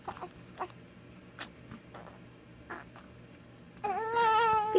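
Faint whimpers and snuffles in a quiet room, rising into a thin, wavering cry at the end.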